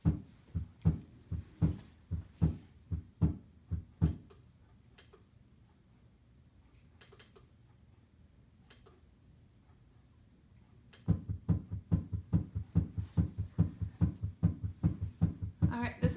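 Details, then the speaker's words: Simulated heart sounds played on a SAMII simulator for an auditory quiz: quick, regular lub-dub rhythm, fast rate; tachycardia. "so this is a love dub that's regular and that's fast so this is going to be our tacac [Music] cardia"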